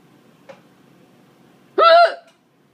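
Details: A single abrupt voiced 'hic', suddenly cut off, in a quiet room, while the person's cats seem unconcerned; a hiccup.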